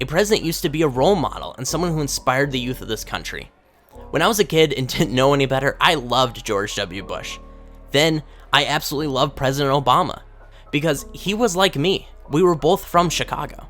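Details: Adult male speaker; Normal speech.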